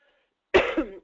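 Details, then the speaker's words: Cough from a speaker fighting a little bit of a cold, voice slightly hoarse, just before giving a talk. "I am fighting a little bit of a cold, so I appreciate and I apologize ahead of time if I sound a little bit hoarse."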